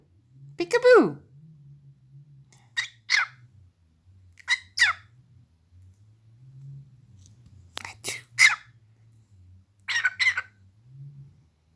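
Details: Pet cockatiel makes about five brief, sharp, two-part squeaky bursts like tiny sneezes over a low room hum: bird sneezing.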